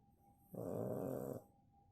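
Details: Snoring from a sleeping pug: a single rough, rattling snore lasting about a second.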